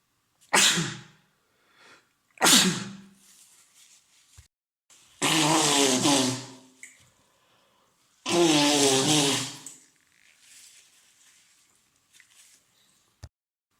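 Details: Adult male with a head cold caught a few days earlier, congested with a runny nose and sore throat: four loud sneezes, two short and sharp, two longer and voiced, with sniffling between.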